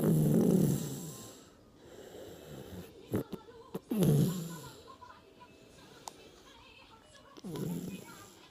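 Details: Sleeping toddler with loud, rough breathing and a rattling snore on breaths in; childhood snoring.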